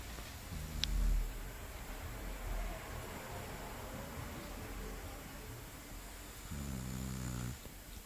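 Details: Sleeping Shar Pei dog snoring: two low, rumbling, buzzy snores several seconds apart, with quiet breathing and faint room noise between them.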